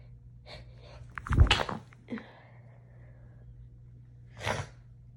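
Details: Person in bed, nose irritated after cleaning a cat's litter box, tickling it with hair strands to trigger itchy sneezes, trying to stifle them: a forceful sneeze with sharp intake, then a shorter second burst.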